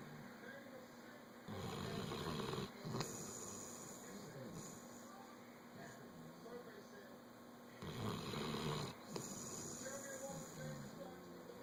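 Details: A sleeping individual snoring, with rough snoring breaths recurring against steady room noise and two louder snores standing out.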